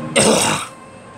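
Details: Single abrupt, harsh adult cough lasting about half a second, then quiet room noise; cough.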